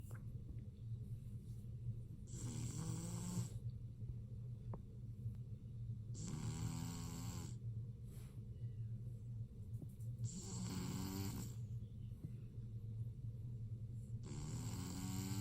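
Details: Lilac male BearCoat Shar-Pei puppy sleeping, with regular snorting snores about every four seconds, roughly 15 breaths a minute, over steady room hum; snoring.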